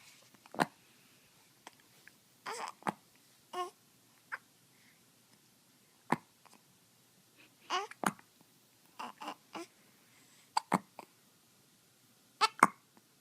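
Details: Hiccups: soft babbling interrupted by repeated short, sharp catches every couple of seconds.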